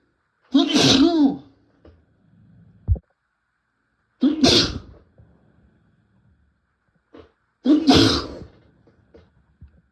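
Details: Three strong, fast, wet sneezes, self-induced with a tissue. Each is loud and forceful with a sharp burst and brief aftersound, a few seconds apart.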